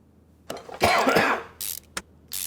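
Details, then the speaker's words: Adult with a lingering, persistent dry cough: a harsh dry burst with no rattle or gurgle, followed by short throat-clearing sounds. "yeah as you can hear i still have the cough i cannot get rid of it it's just annoying it's not a wet cough it's just a dry cough"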